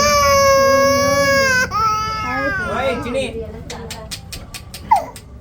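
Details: Baby held still during ear and nose piercing: a loud, sustained, high-pitched wail breaking into sobbing whimpers, with adult voices nearby; infant pain cry.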